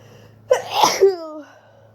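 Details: Person with a cold, sneezes painful on the throat: a single loud, forceful sneeze with a sharp burst of air, then a short voiced tail.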